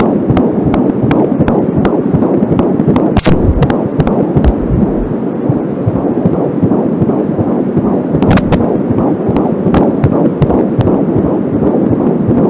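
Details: Fetal heartbeat recorded with an Angelsound fetal Doppler: rapid whooshing pulses around 160 bpm, occasional slower maternal pulse confirmed by the mother checking her pulse, probe scrapes and cable static.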